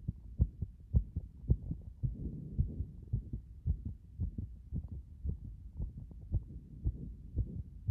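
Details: Heart after compression: fast, somewhat irregular low thumping heartbeats at about 110 a minute with a soft hum between beats.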